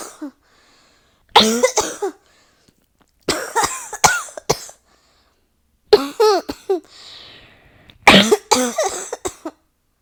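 Repeated bursts of three to four harsh coughs each, with breaths between bursts. This is a sustained coughing fit.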